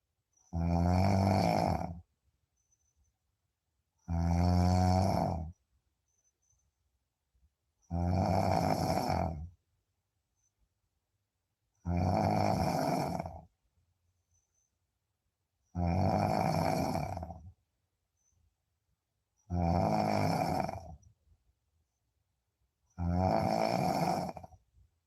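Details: Loud, regular snoring during deep sleep, seven rattling bursts at about 16 breaths a minute with quiet pauses between.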